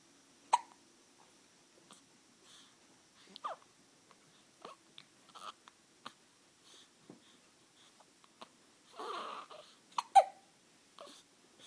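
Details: Baby with hiccups: brief, sharp hiccups recur about every second or two in a quiet room, with one short fussy sound between them.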